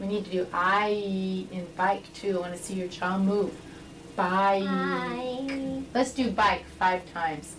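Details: Adult woman speaking (speech therapist); normal adult speech.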